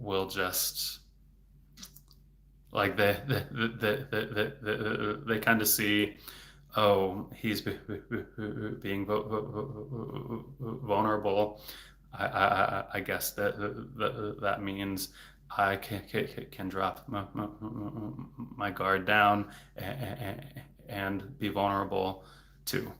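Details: Adult man, a speech-language pathologist, who stutters; stuttering.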